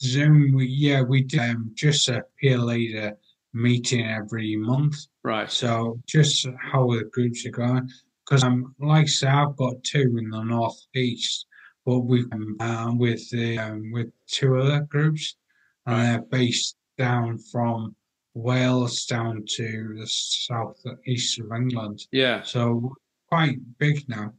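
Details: 43-year-old man with aphasia acquired about six and a half years earlier after a major car accident causing coma, ICU care and 11 months in hospital; he reports language breakdown and difficulty getting words out.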